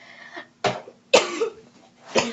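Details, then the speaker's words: Violent choking cough after accidentally inhaling a French fry while eating: about three harsh, forceful coughs with strained voicing between them. "Yo yo I legit inhaled not thinking. I inhaled not thinking while I was eating a French fry."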